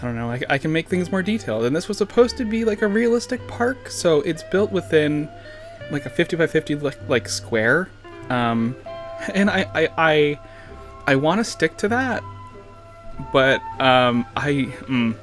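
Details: Adult man with lifelong stuttering, severe in childhood, who says he also slurs words and under-pronounces them to avoid long blocks; certain words and sounds still trip him up; stuttering.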